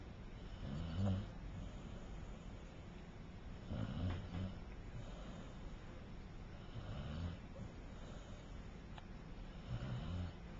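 Soft, low rumbling snores about 20 a minute, uneven, against steady room noise; gentle snoring.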